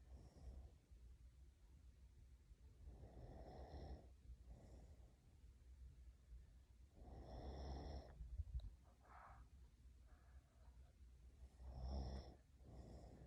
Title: Caught my mom snoring! #sneaky